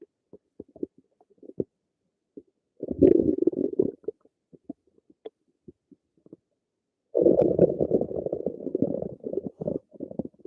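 Gurgling, bubbling rumbles in two longer runs with scattered short pops between. Ordinary stomach and bowel noises.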